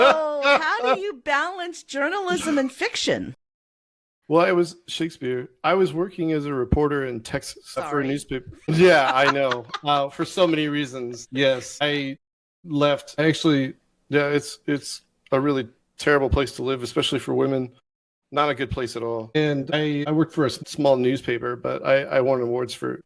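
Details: Adult man with Tourette syndrome that developed during Navy service, an interjected tic word appearing mid-sentence; vocal tic (Tourette syndrome).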